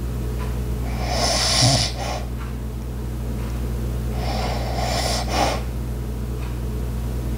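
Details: Two soft rattling snores over a steady low household hum with faint clicks, background ice maker, clock and walking sounds; light snoring.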